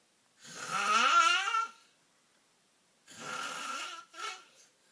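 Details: Person asleep snoring; two loud, rattling breaths, the first rising in pitch with a strong buzzing tone, separated by a pause: heavy snoring.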